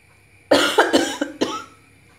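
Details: Cough from a person with a sore throat: a quick run of four or five harsh cough bursts over about a second, in a quiet room, forming a coughing fit.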